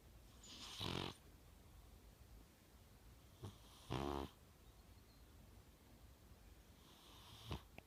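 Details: A young British Shorthair Blue cat gives low, buzzing snores, two loud and two softer, over quiet room noise; snoring.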